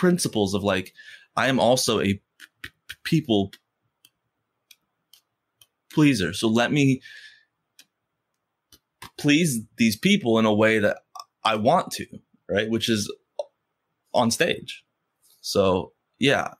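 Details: Adult man who stutters, speaking in conversation with pauses and blocks between phrases; stuttering.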